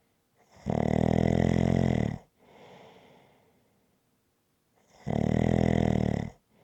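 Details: Loud, buzzing snores on each in-breath, each followed by a soft out-breath, about 14 evenly spaced breaths a minute, from a 20-minute ASMR snoring recording.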